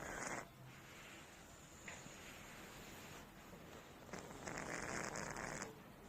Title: Cat Snoring